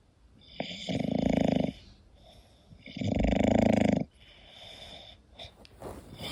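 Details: Sleeping English bulldog snoring: two long, buzzy, rattling snores with softer breathing between.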